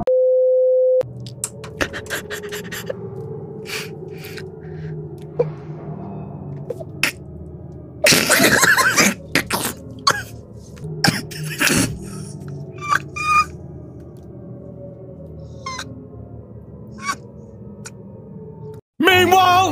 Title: Didn’t Expect To Sneeze That Loud